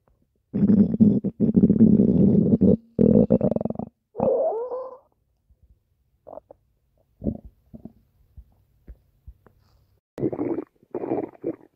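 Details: Pet rabbit belly sounds: long loud gurgling rumbles, then scattered short squelches and another gurgling run; active normal bowel sounds.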